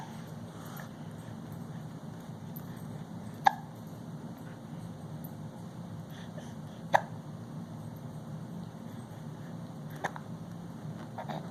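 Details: Infant almost 5 months old sitting in a Bumbo seat with hiccups: three sharp, brief hiccup clicks a few seconds apart over a steady background hum.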